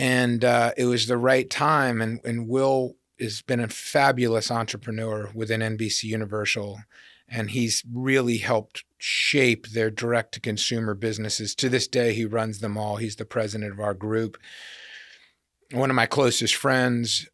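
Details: Adult man speaking; typical speech.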